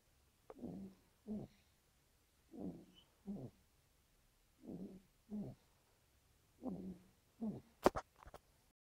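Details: Baby snoring: soft, low snoring sounds in pairs, in and out, about every two seconds, roughly 30 breaths a minute, followed by a few clicks.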